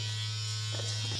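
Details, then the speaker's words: Dr. Pen M8S microneedling pen with 42-needle cartridge switched on for first-time at-home facial microneedling on the forehead; steady loud motorized buzz, described as very loud and scary. "So, let's start. It's very loud and scary because of that, but"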